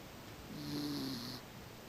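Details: Single soft, buzzing snore on one breath with a faint whistle over it, in a quiet room, from a female sleeping in her new bed; snoring.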